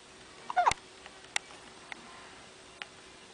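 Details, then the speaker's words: Dylan, a small animal, hiccuping in a quiet room: several faint, sharp, clicky catches at irregular intervals, one louder and squeaky, his whole body shaking with each. "what's that sound his whole body shakes look at it"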